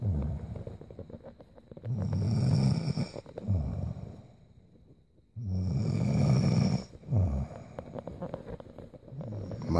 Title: Sleeping Girl Snoring-Vol.7